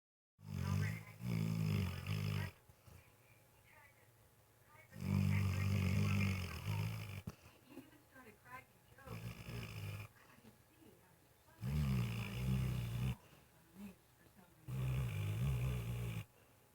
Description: my dog is sleeping well and snoring.